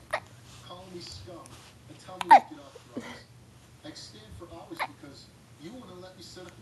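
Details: Boy sitting in his bouncy seat with hiccups: sudden short, catching hiccup sounds break into talk, with one sharp loud hiccup standing out; low hum in background.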